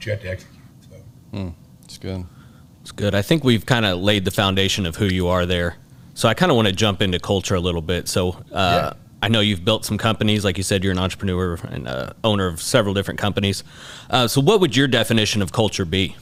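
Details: Adult man; typical speech.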